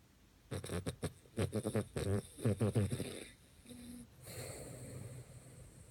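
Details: Sleeping dog: bursts of rapid, fluttering, grunting snorts followed by quieter rasping breaths; dog snoring.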